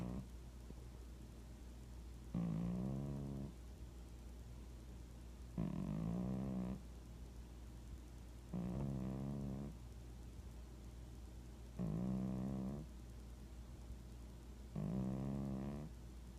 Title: Cat Snoring